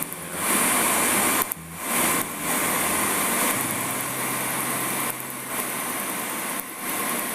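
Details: Second color tattoo removal session, laser treatment of a tattoo section with frosting, patient notes dirty penny taste; steady hissing mechanical noise with low hum, brief pauses and pitch shifts.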